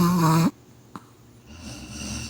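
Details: Dog, tagged chihuahua, in deep sleep: one loud, deep, vibrating snore followed by quiet breathing; ordinary snoring during sleep.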